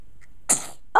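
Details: 2-month-old infant girl, smiling before bath time, gives a single sneeze: one short, sharp burst of air with a hissing tail, followed by a voice sound.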